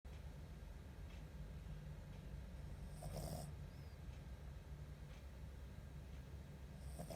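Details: Small Pomeranian dog asleep, possibly in a comfortable position, snoring with soft, low, repeated rumbling breaths over quiet room noise.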